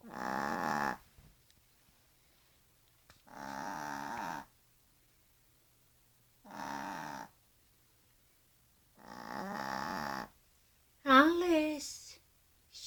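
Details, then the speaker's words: Yorkshire terrier dog snoring while asleep: slow, regular snores with quiet pauses between breaths, about five in thirteen seconds. "Alice. Alice, you snoring. Alice, my little chick. I don't know how you sleep with her."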